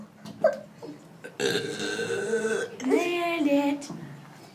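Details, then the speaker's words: Person burping on purpose for fun in a burping competition: two long, loud, croaking burps, the second falling in pitch; they say they burped up chicken burger. "Oh my goodness. I just burped up chicken burger. I can't."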